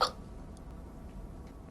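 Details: Acted, simulated hiccup by an actress in a TV drama scene (Just Love 2007 / Pinocchio 2014): a single abrupt hiccup sound, then quiet room noise.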